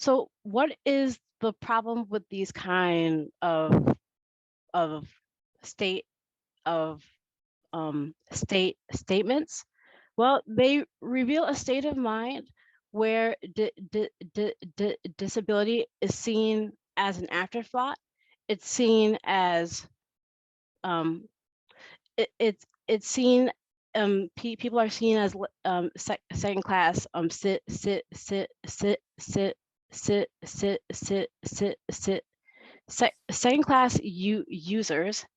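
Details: Adult woman who states she has stuttered since she could talk, with phrase repetitions here; stuttering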